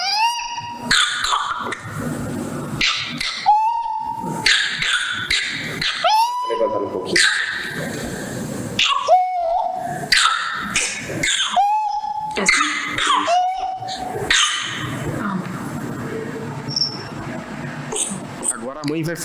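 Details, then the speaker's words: Child hospitalized with whooping cough (pertussis): coughing paroxysm with repeated bursts of coughs broken by high-pitched, squeaky indrawn whooping breaths. "Essa é uma criança internada com coqueluche no Hospital de Clínicas e o estado do Paraná teve um aumento de 6 vezes nos últimos 4 anos, documentado pelo LACEN. Quero que vocês ouçam por um segundo o que é uma crise de coqueluche."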